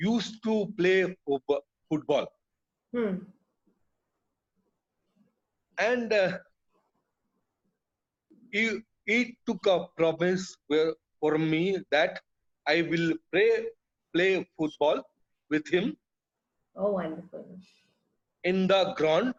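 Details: Adult male, years after a haemorrhagic stroke hitting the speech centre with total speech loss, relearned speech through speech therapy; still hesitates and cannot always finish sentences: non-fluent aphasia after stroke.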